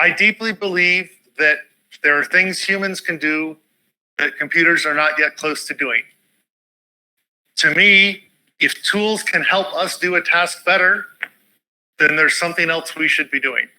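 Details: Adult speaker; normal speech.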